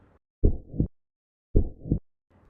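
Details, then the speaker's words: Demonstration of heart auscultation: two lub-dub beats at about 55 per minute, first sound from atrioventricular valve closure, second from semilunar valves; normal heart sounds S1 and S2. "Les auriculo-ventriculaires sont donc responsables du premier bruit et les semi-lunaires du deuxième bruit. À l'auscultation du cœur, ça donne ceci: B1, B2, B1,"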